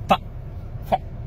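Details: Two brief, abrupt vocal noises close together from an adult male stand-up comedian with Tourette syndrome; simple vocal tics.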